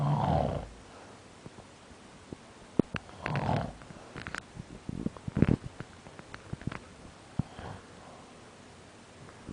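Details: Two short, rough, throaty snores a few seconds apart, with scattered clicks and rustling room noise between; snoring.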